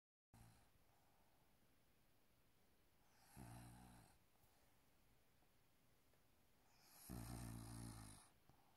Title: Maine coon is snoring like a human